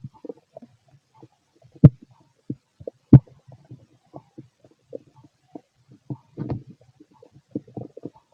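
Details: A fit adult male's abdomen during digestion: irregular low gurgles, pops and clicks, with a few louder sharp bursts and a short rumbling run, normal active bowel sounds.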